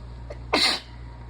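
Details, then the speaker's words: Real sneeze from a person who is congested and run down, possibly sick: a brief breath catch, then one forceful hissing sneeze over a low room hum. "oh and that is why I really only sneeze like that when I'm sick the sneeze again"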